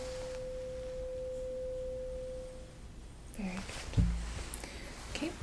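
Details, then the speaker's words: Tuning fork placed on the mastoid process for a Rinne test during a simulated roleplay HEENT exam for headache: a steady pure ringing tone fading out, then handling noises. "So I'm going to place this on your mastoid process, you remember? Ok good Do you hear it? Let me know when you stop hearing it"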